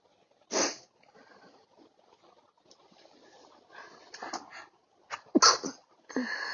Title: some sneeze